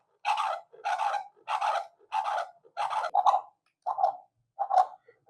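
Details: Rhythmic whooshing pulses from a handheld app-connected fetal Doppler demonstrated on an adult's own heartbeat, not a fetus, at about 90 beats a minute.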